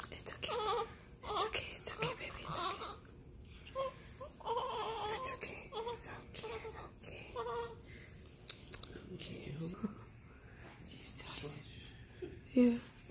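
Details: A newborn girl on her first day in hospital is woken for a scheduled feeding with skin-to-skin contact and seems to feel a cold spot. Short bursts of high, wavering crying with quiet pauses and room noise: an ordinary newborn cry.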